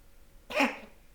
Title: cat coughing